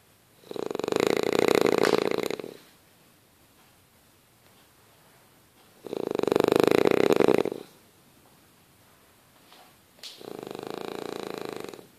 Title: French Bulldog snoring while sleeping